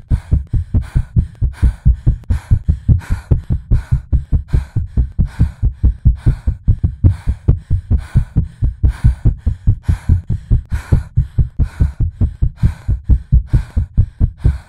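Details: Artificially created, edited heartbeat with rapid, steady low thumps at about 140 a minute, depicting anxious palpitations that later slow: simulated tachycardia.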